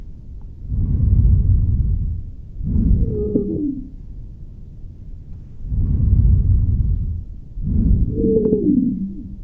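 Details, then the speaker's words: Stethoscope auscultation over the posterior chest of an adult male patient in a nursing lesson: musical, whistling tones late in each breath; wheezes from narrowed airways. "Então vamos fazer aqui uma ausculta completa na região posterior do nosso paciente para ouvir os sibilos."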